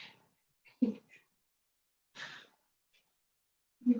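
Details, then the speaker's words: Soft, low rumbling snores with quiet airy exhales between them from Pacino, a sleeping cat, heard during a yoga session; cat snoring. "i'm so sorry if you can hear pacino snoring"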